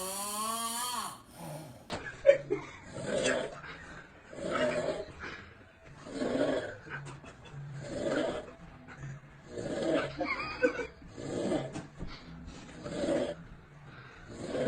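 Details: Steady rhythmic snoring, about eight rough snores with soft in-between breaths, roughly one every 1.5 seconds, about 35 to 40 a minute.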